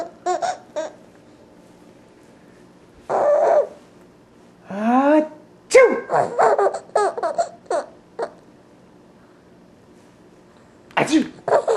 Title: Sneezes make baby laugh - adorable!